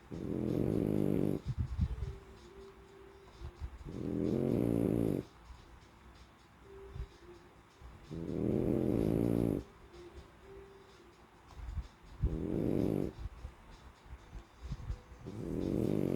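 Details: Sleeping French Bulldog: loud, rough snoring breaths about every four seconds, roughly 15 per minute, with quieter snuffling between; flat-faced dog snoring.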